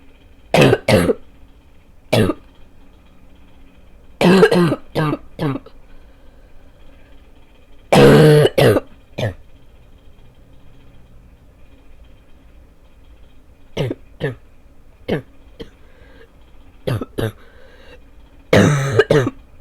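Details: Adult left with a barking cough after about two weeks of illness: repeated harsh bursts, mostly in clusters of two to four, over a low steady hum.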